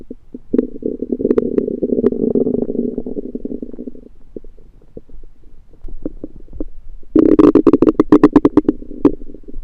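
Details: Loud, drawn-out gurgling broken by rapid popping and crackling bursts from the belly after eating home-cooked food the person suspects was undercooked; active bowel sounds (borborygmi).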